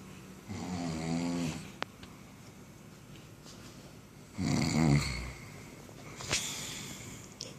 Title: Sleppy snoring sensation